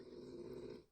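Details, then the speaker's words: Sleeping dog snoring loudly: a brief rough rumbling low-pitched snore in a small quiet room. "Now he falls asleep and he's snoring so damn loud. He's probably jarring some of the Starlinks out of their orbit."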